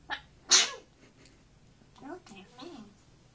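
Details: A sharp, high, brief sneeze from a camera-shy African grey parrot after trying to sing, followed by soft chattering.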